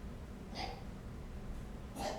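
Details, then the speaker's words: A dog (Jack) starts coughing after another dog gets on top of him. "And Jack is coughing, if you can hear him. And she's there. And she gets on him, and then he starts coughing."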